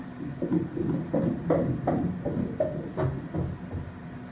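Rapid, regular swishing pulses at about 160 a minute over a muffled background; a fetal heartbeat heard by Doppler ultrasound.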